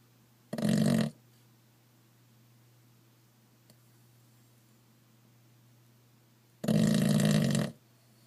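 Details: Pug, a small flat-faced dog, snoring: two long, loud, rough snorting breaths about six seconds apart in a quiet room.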